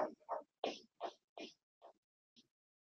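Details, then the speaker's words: Needle EMG speaker: brief crackling pops, fading and unevenly spaced, irregular firing; fibrillation potentials from denervated muscle fibers. "and so here this is the fibrillation this is actually one like I said and now you can hear the irregular nature"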